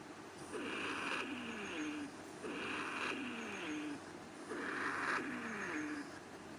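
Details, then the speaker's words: Rhonchi on chest auscultation: continuous musical whistling sounds from air passing through narrowed airways, audible over the whole chest. "आपने देखा बिल्कुल continuous म्यूजिकिकल whistling sounds हैं जो narrowed Airways से produce हो रही हैं।"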